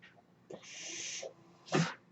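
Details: Sustained airy hiss of delivered breath, then a short valve-like puff: one breath cycle from the podcaster's own home mechanical ventilator, audible throughout a real spoken recording.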